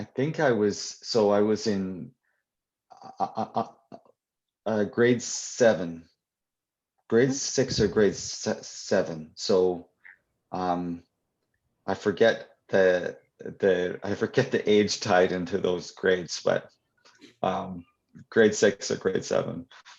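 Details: Adult male who stutters, answering a question live; audible repetitions; stuttering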